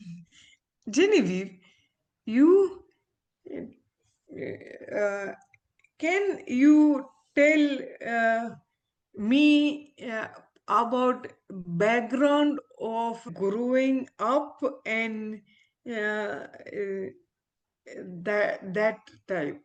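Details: Adult woman, former ophthalmologist, with aphasia after a stroke, still recovering speech; real patient; aphasia.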